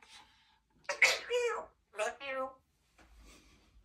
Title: Symon the African Grey Talking Parrot Sneezes and say Bless You💖🥰 #talkingparrot #blessyou #cag